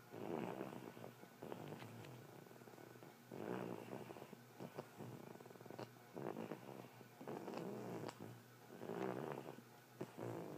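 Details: Bulldog snoring: rough, rumbling snores with snorty breaths, about 20 a minute, typical of a flat-faced dog.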